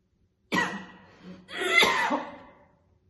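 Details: Two harsh, heavy coughs in a quiet room from a woman chain-smoking two cigarettes, coughing heavily and spitting throughout; a smoker's cough.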